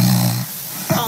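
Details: Adult man recorded by his wife while asleep: low rumbling snore with coarse fluttering, brief pause, then next snore; snoring.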